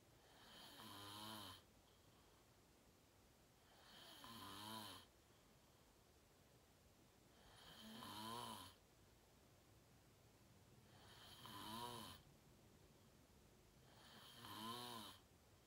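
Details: Self-recorded adult sleeping, fell asleep fast around 8:45, self-described deep REM sleep (sleep apnea only hashtagged): loud rattling inspiratory snores about 17 a minute, quiet exhalation between; regular snoring.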